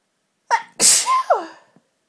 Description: tortured sneezy nose at christmas.... Happy Christmas x